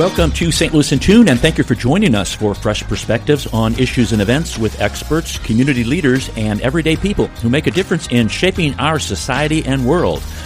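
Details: Adult male speaker; fluent speech.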